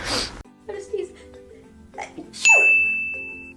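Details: One sharp explosive sneeze followed by quiet talk and a chiming tone, from a person who attributes the sneezing to hay fever with a cat nearby; allergic sneezing.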